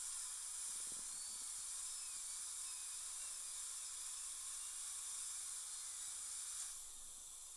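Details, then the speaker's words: Steady high-pitched whine and hiss of a dental handpiece with water spray, gently removing composite over the implant screw access holes of a fractured upper all-on-4 fixed implant-supported prosthesis (Nobel Biocare) with no metal reinforcement. "and just going to just gently ever so gently remove the composite"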